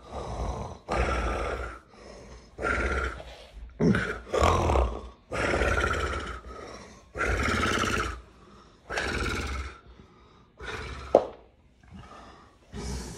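Loud, irregular grunting and snoring-like breaths, about 35 a minute, during a tonic-clonic seizure and its recovery phase.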